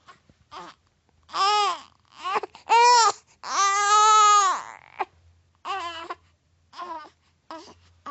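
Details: A baby crying, used as a sound effect: repeated wailing bursts, some long and strained, with short pauses between them.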